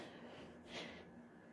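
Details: Woman with pollen allergy/hay fever after going outside: one brief, harsh nasal snort in a quiet room, nose-clearing sniff while trying to sneeze.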